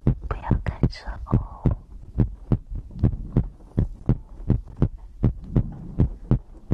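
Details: Normal heartbeat recorded as an ASMR compilation of the person's own heartbeat and breathing for sleep: steady low paired thumps at about 80 beats a minute, with faint breathing and soft room noise.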